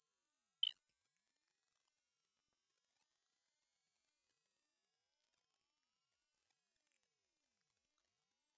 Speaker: I'm gonna be running some frequency sweeps from high to low and what you're gonna try to find out is where you can start hearing the high frequencies